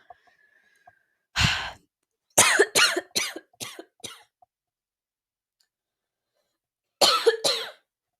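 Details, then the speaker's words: Adult who had talked until their throat was dry and parched takes a deep breath, then gives about five rapid coughs, a pause, and two more; coughing fit. "goodness I have talked myself dry apparently because I just had a coughing fit so I do apologize for that"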